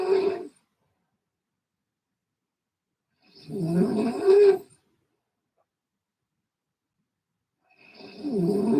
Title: At 11PM I had Funny Noise snoring. 😴😅😂🤣🥹